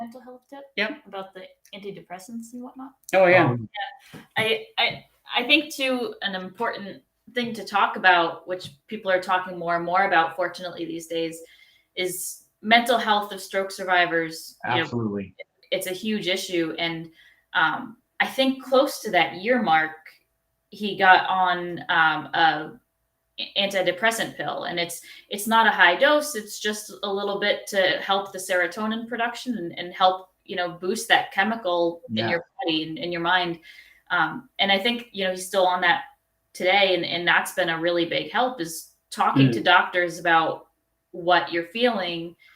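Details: Adult woman speaking, with a second conversational voice; normal speech.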